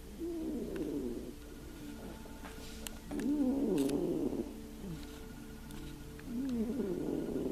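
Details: A Russian Blue cat snores in deep sleep during a nap, with rhythmic, rumbling, fluttery breaths about every three seconds, roughly 20 a minute, over a faint steady hum.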